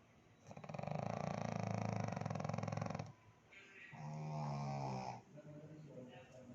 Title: kitni nind me h😴😴😴😴 snoring 🤣🤣🤣🤣🤣